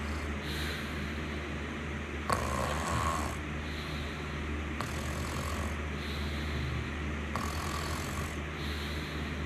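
Slow, rhythmic rattling snores on each breath in, about every two and a half seconds, over a steady low background hum.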